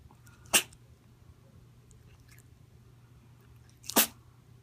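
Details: Tiger sneezing at the doctor's office: two sharp, explosive sneezes about three seconds apart against a quiet background; sneezing.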